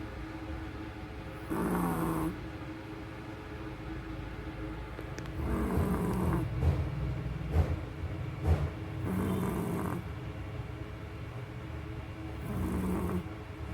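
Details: Chihuahua dog snoring very loudly: rough snores repeating at irregular intervals over low room noise, with some snorting sounds in between.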